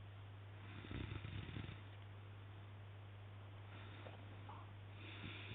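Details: Man snoring really loudly while asleep: a single low, fluttering snore on one breath, heard over a steady mains hum and room noise.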